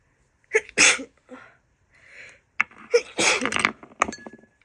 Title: worst summer cold of my life [F] - sneezing, nose blowing, rapid, wet and so exhausted..